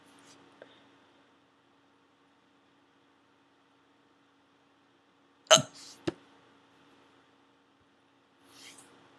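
Quiet room with a few sharp, abrupt vocal catches spaced seconds apart; hiccups.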